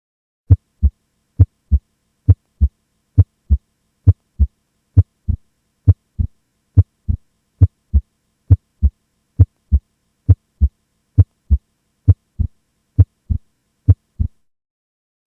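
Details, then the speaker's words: Normal S1 and S2 heart sounds: steady paired lub-dub at about 67 a minute, played as a reference before a mechanical aortic valve replacement click. "I'll give you an example of a mechanical AVR click first I'll play a normal S1 and S2 so those sounds are fresh in your mind for"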